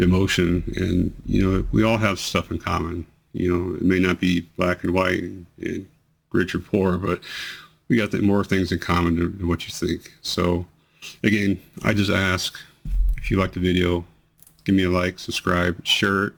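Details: 43-year-old man with multiple system atrophy, 2 years 3 months into the disease, reports worsening slurring, delayed word onset, hesitancy and voice tremor; dysarthria (slurred speech) in multiple system atrophy.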